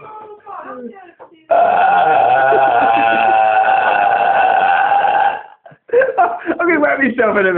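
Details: Deliberate loud, sustained belch lasting about four seconds from a man after eating kebab and drinking cola, followed by laughter and talk; burping.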